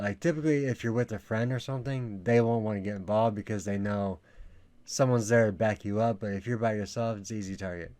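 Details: Adult man speaking; typical speech.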